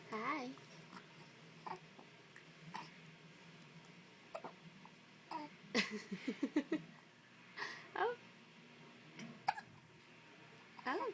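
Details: Baby in late 2009 hiccuping while cooing; short, sharp catches at irregular intervals among soft coos, with an adult talking nearby: infant hiccups.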